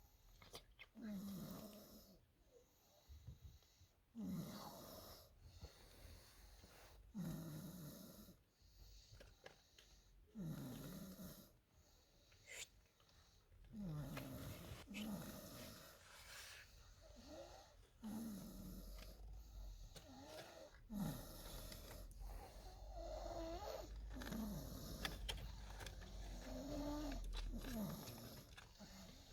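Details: Loud, rhythmic snoring with a rattling, throaty snore on each breath, about 18 breaths a minute; snoring.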